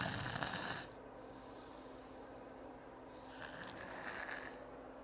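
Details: Snoring while asleep: two harsh, rattling breath noises about three seconds apart, with steady low room hum between them.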